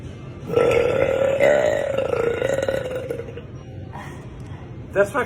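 A long, loud, drawn-out burp lasting about three seconds, followed by brief laughter-like sounds; an ordinary belch.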